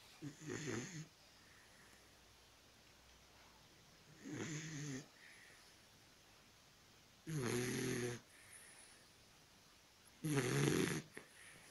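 Four slow, rattling snores about 3 seconds apart, roughly 20 a minute, over quiet room noise: snoring in a sleeping small dog.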